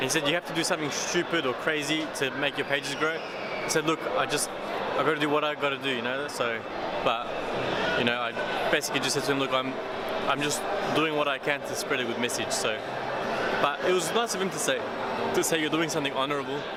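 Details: Mild stuttering, self-described by a male vlogger: not a bad stutter or stammer, with getting stuck for words; he noticed it only recently while editing his videos.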